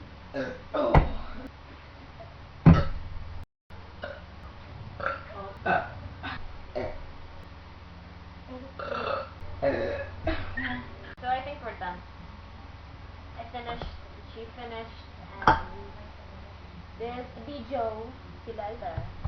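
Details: Repeated loud, low, voiced belches with short pauses and quiet room noise; deliberate burping by people drinking Jolt energy drink while playing Mario Baseball.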